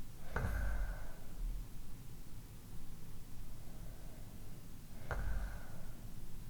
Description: Different types of snoring.